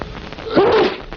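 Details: Health-education film trailer: someone is coached to sneeze into a handkerchief, giving a single sharp, voiced sneeze lasting under a second.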